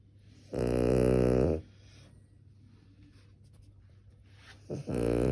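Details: Sleeping Cavalier King Charles spaniel: loud buzzing, rattling snores about a second long, roughly three seconds apart, snoring.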